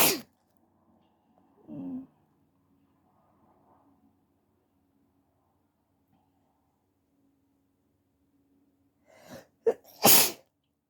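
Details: Two harsh sneezes triggered by inserting a Covid test nasal swab, a sharp sneeze, near silence with faint hum, then a gasping intake and a second forceful sneeze; sneezes hurt the throat.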